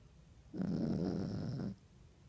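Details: Fonzie snoring: a single low, rattling snore lasting about a second on one breath, in a quiet room.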